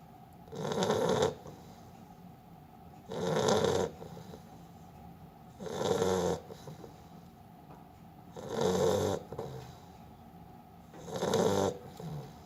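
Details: Sleeping Beagle snoring: steady, rough snoring on each in-breath, about 23 breaths a minute.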